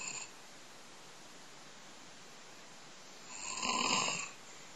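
A single rough, hissy breath sound rises and fades after near-silence, fitting one snore; quiet room hiss throughout.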